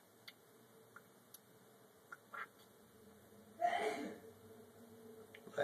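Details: Redfoot tortoise sneezing while eating fruit: faint clicks, then one brief hissing burst of air in a quiet room.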